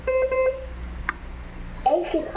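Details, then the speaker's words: Infusion pump, previously stuck on its startup screen, now working after an IC replacement on the motherboard: a short series of electronic beeps, then a click and brief voice noise; startup and key tones. "so after replacing the IC now it is working"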